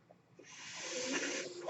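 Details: Breathing sound of the speaker's own mechanical ventilator during speech: a steady, rising rush of airy hiss with a faint low hum as a breath is delivered in a pause in talking.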